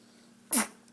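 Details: Baby girl sneezing: a single short, sharp sneeze in a quiet room.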